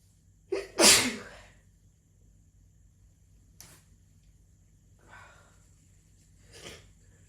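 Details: A quick inward catch, then one loud sneeze, followed by a few faint breaths and sniffs; an ordinary sneeze.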